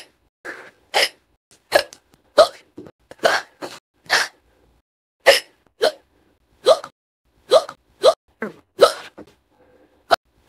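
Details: Simulated AI-generated cartoon voice of a squirrel character with fast hiccups after swallowing an acorn wrong: rapid run of about fifteen short, squeaky hiccups in ten seconds.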